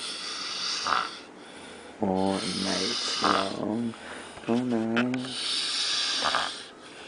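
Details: A man snoring in Cancun: three voiced, rumbling snores on inhalation, with quieter breathing and noise in between; snoring.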